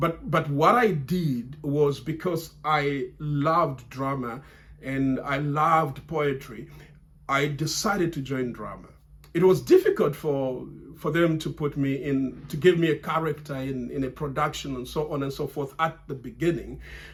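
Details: Adult man who has stammered since childhood, largely overcome through reciting and memorizing lines from grade five, still stammering under stress or pressure; word and part-word repetitions; stuttering.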